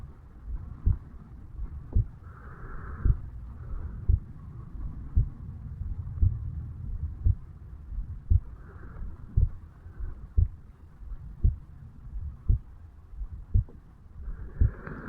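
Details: A 35-year-old male self-records his heartbeat at the mitral (bicuspid) valve area on waking in the morning: regular dull thumps at about 57 beats a minute over steady low background noise, normal resting heart sounds.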